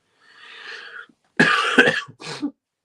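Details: Man who says he is very ill gives a breathy intake followed by two harsh, loud coughs during a live talk.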